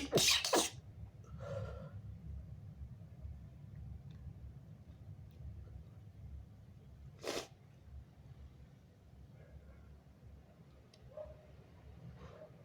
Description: strong, wet, big and stifled messy sneezes + showing snot